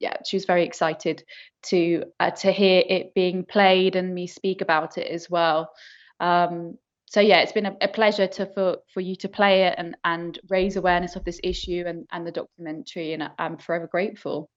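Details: Adult woman speaking; normal speech.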